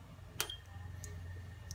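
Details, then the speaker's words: A sharp click, a brief tone and faint ticks over room hum as the packs button is pressed on an autoclave control panel to start a sterilization cycle. "someone go ahead and start the machine so we get these going just by pressing the tax button right here"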